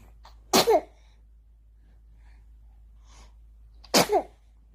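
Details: 80-day-old newborn sneezing: two small, sharp baby sneezes a few seconds apart in a quiet room; normal infant sneezing.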